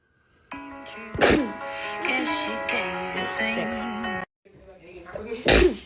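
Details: Sneeze.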